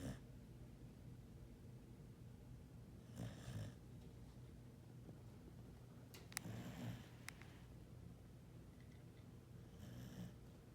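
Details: 10-year-old cattle dog snoring during a deep nap: three slow, rough breaths, about 18 a minute, against a low steady room hum; ordinary snoring.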